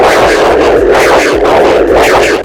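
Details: Handheld Butterfly iQ3 ultrasound probe, pulsed-wave Doppler over an artery in the neck in long-axis view (vein and artery): Doppler flow signal.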